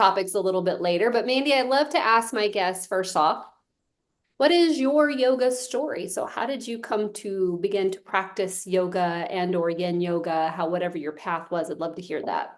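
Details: Adult woman speaking; normal speech.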